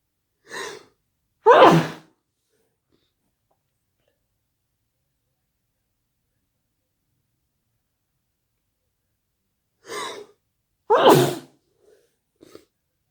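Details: Two sneezes, each a quick indrawn gasp followed by a sharp burst, separated by a long quiet pause.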